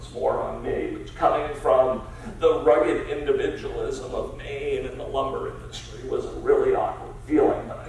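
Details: Adult male with spasmodic dysphonia, a rare neurological disorder affecting only speech with no known cause or cure, treated with periodic Botox injections; spasmodic dysphonia.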